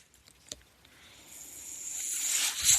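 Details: The speaker's own mechanical ventilator is audible behind his speech as he introduces a recorded podcast; mechanical ventilator breath.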